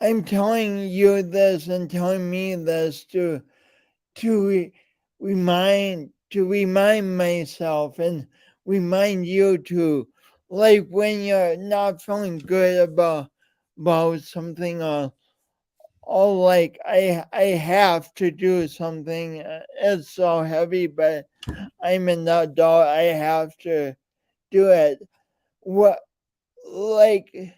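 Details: Adult male with a speech impediment and coordination differences present since birth and still ongoing; speech impediment with word repetitions.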